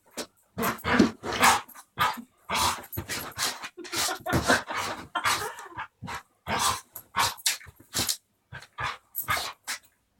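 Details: A dog sneezing, with a rapid, irregular run of short, sharp nasal bursts.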